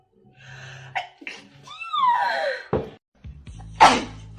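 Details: Acted sneeze in a girls-versus-boys sneezing comparison: rising, drawn-out voiced 'ahh' wind-up, then sharp explosive bursts over faint background music.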